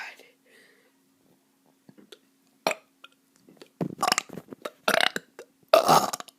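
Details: A kid deliberately doing burps: quiet whispering, then a cluster of short, gurgling burps building in loudness.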